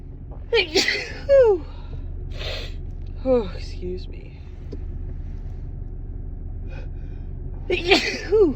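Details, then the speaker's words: Female with a dust allergy, sneezing repeatedly while in her car: sharp gasping in-breaths, each followed by a forceful, voiced sneeze burst, several in a row, between "excuse me"s about a tickle. "Oh. Excuse me. I think I have to sneeze again. It tickles."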